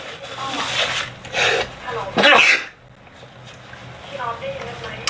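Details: Young man sneezing during a livestream, said to have allergy: a sharp, explosive burst of air after a brief intake, among soft talk and room noise.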